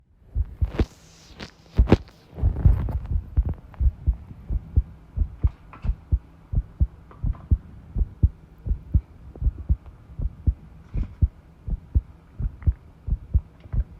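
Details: Self-recorded heartbeat while tidying a room, arrhythmia noted: heartbeat near 85 a minute with uneven spacing between beats, some clattering early on from tidying; irregular rhythm.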